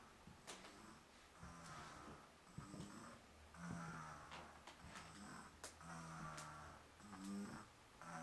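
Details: Rhythmic, low rumbling snores with soft snorting breaths from a sleeping dog, several every few seconds, over faint room noise; ordinary snoring.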